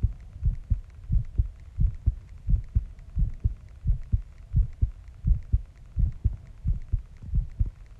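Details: Steady, regular paired heart thumps at roughly 85 beats a minute, recorded after a shower for ASMR; a normal heartbeat.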